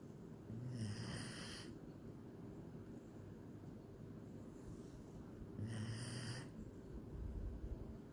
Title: German Shepherd Snoring